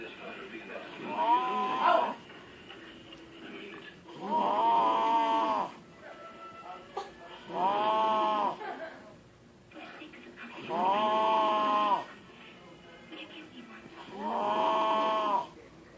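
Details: Five long, tonal, buzzing snores rising on the in-breath, with quiet gaps between them, about 18 per minute; loud, chainsaw-like snoring.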